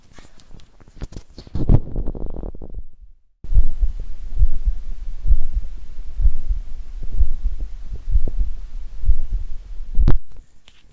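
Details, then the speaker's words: Normal heart sounds recorded with an old, cheap microphone fitted with a 3D-printed chamber held directly against the chest: faint, regular low thumps at about 65 a minute. "the first thing I want to show you is the the sound of the heart that you can record directly using this microphone against the chest so let me do that first"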